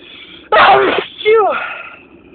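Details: Two loud sneezes in quick succession over a background tone, part of a long allergic sneezing fit in spring: allergic sneezing.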